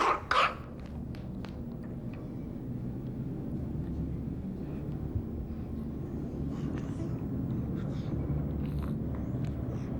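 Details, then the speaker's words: Nasal congestion noise in a child: a low, wet, snuffly rattle runs through breathing in and out, judged a blocked nose rather than stridor. "we heard a wet noise when symbol was breathing in and out therefore we decided that symbol did not have or but a blocked nose"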